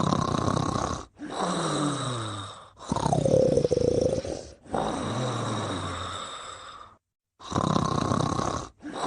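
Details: Loud, rattling, snorting breaths during sleep in long, irregular cycles: snoring.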